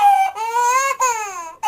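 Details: An infant cries in two long, wailing bursts separated by brief breaths, with a clear, high-pitched tone.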